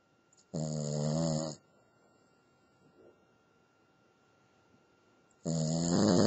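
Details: Female Cavalier King Charles Spaniel dog asleep: two loud, buzzing, almost tonal snores about five seconds apart, near-silent between: snoring.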